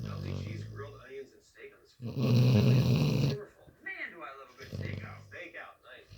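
Loud, rough snoring breath from a sleeping dog, with one long rattling snore between quieter breathing sounds.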